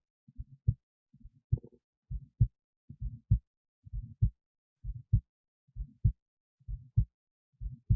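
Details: Own heartbeat recorded with an esophageal stethoscope resting in the esophagus near the heart, alongside an EKG: clear, regular lub-dub pairs at about 66 a minute in near silence; normal heart sounds.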